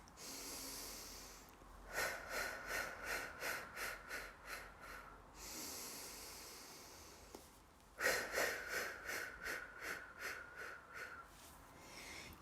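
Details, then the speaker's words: Physiotherapist demonstrating rib vibrations on their own breathing for lung rehabilitation: ribs squeezed rhythmically during exhalation. Two long out-breaths broken into rapid pulses, about three a second, each after a quieter in-breath. "so this technique helps bring some spring back into the rib cage by rhythmically squeezing your ribs while you breathe out this is how my breath sounds if i perform rib"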